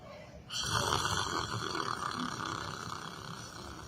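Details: Snoring from a person sleeping while sitting in a chair: one long, rough, rattling breath noise over a hissy room background.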